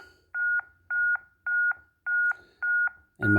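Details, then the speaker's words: Simulated CPR on a monitor-defibrillator in AED mode, its metronome pacing chest compressions: regular paired electronic beeps, about 107 a minute. "it's telling you how long you've been going for already and i should be listening to my metronome to keep my depth right"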